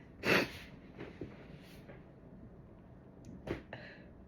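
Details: One loud, sharp sneeze in a small room, followed by quiet breathing and a smaller burst near the end.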